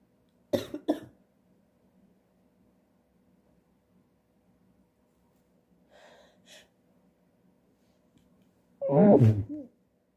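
A few short explosive bursts, a couple of faint ones, then a loud final burst; sneezes or coughs in a quiet room.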